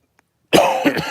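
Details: After a brief silence, one harsh, partly voiced cough burst trails into a throaty sound, from a person who feels lethargic after COVID infection; a persistent post-COVID cough.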